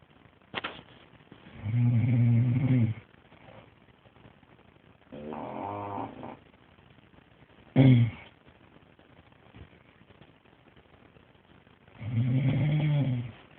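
Loud, drawn-out, low moaning snores, some with a voiced, lowing quality, in a quiet room with pauses between breaths.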